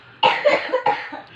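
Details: Two short, dry cough bursts from a child with dry cough disturbing sleep, without rattling or mucus sounds.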